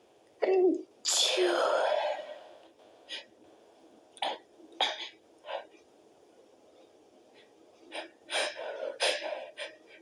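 One full sneeze after a gasp, then a run of short muffled bursts and sniffs; sneezes partly held back.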